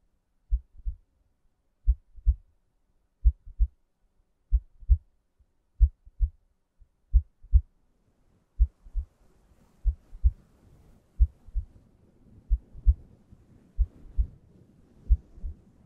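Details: Steady paired lub-dub thumps at about 50 beats a minute, slow and regular, with soft background hiss joining later; a normal heartbeat in an ASMR relaxation recording.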